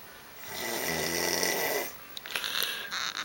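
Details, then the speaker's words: Sleeping woman snoring with her cat beside her, recorded by her boyfriend: one loud, harsh, rattling snore on the in-breath, followed by rustling noises. "I just want you to see this and hear the amount you're snoring so that you know I'm not an asshole."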